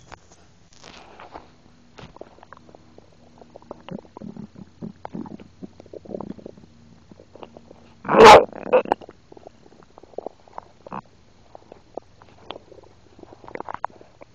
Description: I was eating some wendys burgur and I had some soda and I swallow some air this was record while I was eating. You can hear the soda going in down in me.